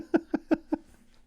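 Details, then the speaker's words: A sleeping pet dog snoring in the background of a quiet room: four quick, rattly, nasal snorting sounds, heard faintly; snoring. "Boys and girls, if you hear that in the background, that's my dog snoring."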